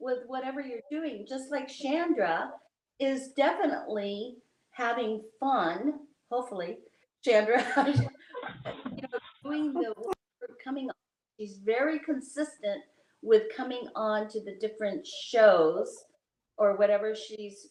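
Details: Adult speaker; ordinary conversational speech.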